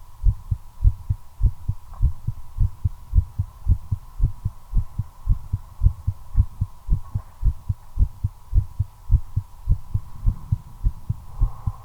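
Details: Own heartbeat recorded while smoking a cigarette, accelerating from nicotine: steady, regular low thumps about 110 beats a minute over a constant hum; tachycardia.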